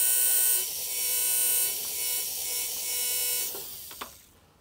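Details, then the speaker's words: Dental implant osteotomy drill at high speed (set to 2000, 30 Ncm torque) with plenty of water irrigation, pumping up and down to 11.5 mm depth: a high-pitched whine easing off near the end, with light clicks. "high speed lots of water and now we're down to the depth and this one you can see it's at 11 and a half right there"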